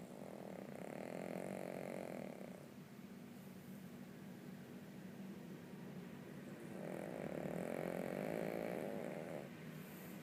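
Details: Sleeping dog snoring soundly: two long, low buzzing snores on the in-breath with quieter breathing between.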